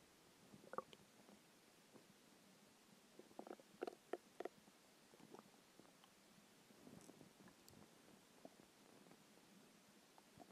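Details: Stomach growling after skipping lunch: quiet gurgles and short squeaky rumbles against steady room hiss. Normal hunger borborygmi.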